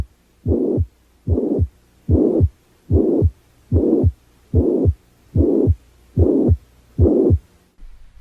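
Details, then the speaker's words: Regular heartbeat about 73 a minute with a blowing murmur filling systole from S1 to S2 without a gap: pansystolic murmur of mitral regurgitation. "on the other hand a pan-systolic murmur heard in mitral regurgitation starts with s1 and stops at s2 without a gap between murmur and heart sounds"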